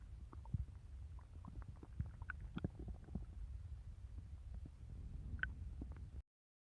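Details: Low gurgling and bubbling rumbles with scattered squeaks; ordinary stomach growling.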